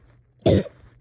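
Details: Person having breathing struggles and a hard time resting or getting comfortable: a single harsh cough burst against a quiet background.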